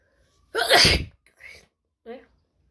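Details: One loud, explosive sneeze with a sharp burst of air, followed by two softer voiced sounds; a typical sneeze.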